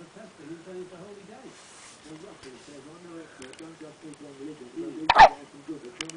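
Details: Male with hiccups: a sudden, sharp hiccup heard over television talk in the background.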